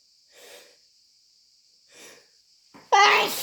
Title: Desperate, wet chhinkni sneezes plus a snotty blow